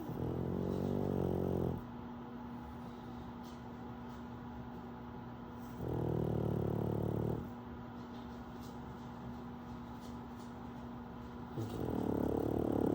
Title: KingPug snoring while pug puppy Wolverine plays in the background.